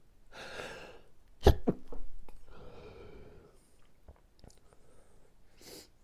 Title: Dinner Sneezing